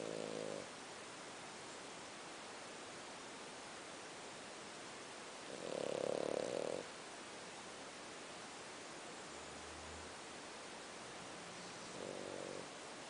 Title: Snoring Dog